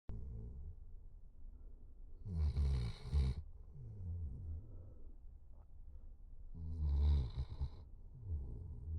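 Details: Dog sleeping after a 4-mile hike and a big bowl of food: deep, rattling snores with softer breaths between, about 14 breaths a minute.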